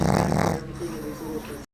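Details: Snoring in a 7-month-old Boston Terrier puppy asleep on a lap: a loud, rough, low rumbling snore on the breath, easing into a quieter fluttering nasal sound.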